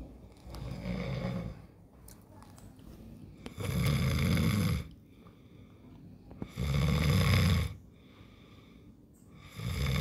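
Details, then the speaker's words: Snoring from a sleeping husband: loud, rumbling snores recurring in long bursts about every three seconds, with quieter breathing between them. "এইটা হচ্ছে আমার husband ঘুমিয়েছে ও না ডাকছে"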